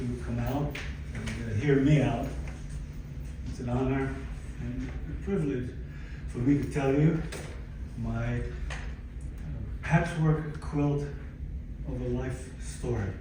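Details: Aphasia in a 62-year-old man, acquired after a stroke in December 2011 that followed cardiac ablation for arrhythmia; he lost languages and speech and attends speech therapy at an aphasia center.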